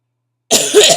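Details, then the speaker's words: Adult with chronic illnesses and acute bronchitis with asthma complications, on prednisone steroids, exhausted and in pain, coughing: cough of acute bronchitis. "As you can probably tell, because my eyes are like barely open, you can hear my voice, you can hear my coughs"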